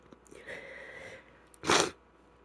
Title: Stuffy cold sneezes #female #sneeze #cold